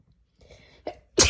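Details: Sneeze induced by tickling the nose with a strand of hair: a quick indrawn breath builds up, then a short explosive sneeze bursts out.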